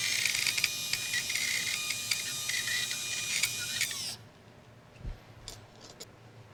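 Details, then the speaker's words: Surgical drill during posterior cervical lateral mass screw placement at C3, guided by the 7D optical navigation system: high-pitched whining with rapid chatter for about four seconds, then it stops as it drills bone. "So, we can use our navigation probe to confirm that we like the trajectory that we drilled."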